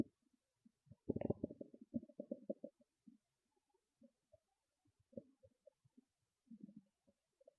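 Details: Loud stomach growls and gurgles: low gurgling rumbles in a burst, then scattered softer bubbling gurgles; ordinary bowel sounds.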